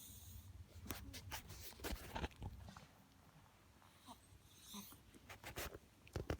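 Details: A Chihuahua reverse sneezing: bursts of sharp, snorting breaths drawn inward.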